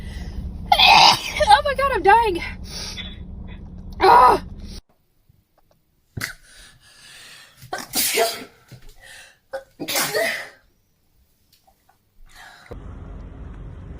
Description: Tik Tok Girls taking Covid 19 재채기 swab test and unexpectedly start to sneeze uncontrollably.